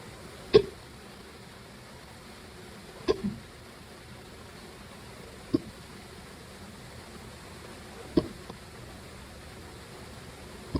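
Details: Hiccups: five sharp, brief hiccups at regular intervals of about two and a half seconds, roughly 24 a minute, over quiet room noise.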